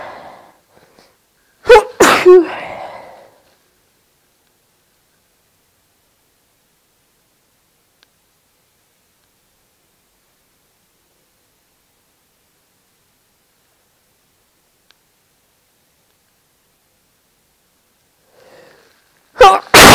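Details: Induced sneezing from a person with no allergies or hay fever: two loud, sharp sneezes separated by long silence, each preceded by a brief indrawn breath.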